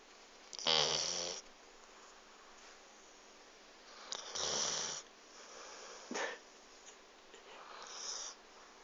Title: Dog snoring